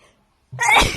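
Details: A woman sneezing in her hotel: silence, then a single abrupt, noisy burst of air with a voiced onset, one sneeze.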